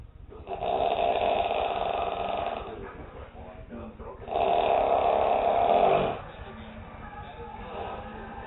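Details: Adult man asleep on a couch, a habitually loud snorer: two long, loud, rattling snores on breathing in, with quieter breathing between; heavy snoring.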